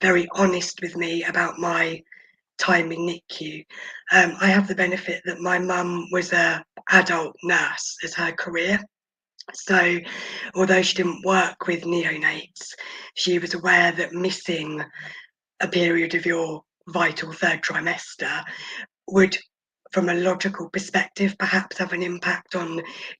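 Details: Adult woman, a former preterm infant who spent about 5 months in the NICU, mostly on a ventilator and oxygen, with vocal cord paralysis attributed to the ventilation: vocal cord paralysis.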